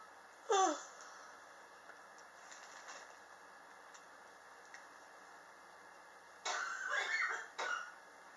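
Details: Chronic cough present since summer 2016, recorded July 2018; patient believes extreme temperature changes in the apartment trigger it: a harsh single cough burst, then a short cluster of two or three coughs.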